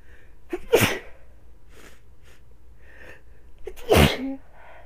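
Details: A person with a sniffly nose sneezing after build-ups: two loud, explosive sneezes about three seconds apart, each after a brief breath in, with sniffling between them; sneezing.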